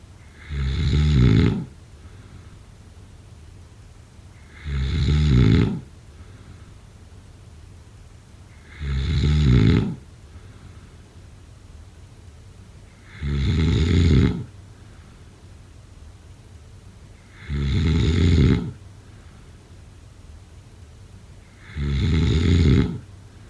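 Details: Regular, loud, low rumbling snores on each in-breath, about 14 a minute: snoring during sleep.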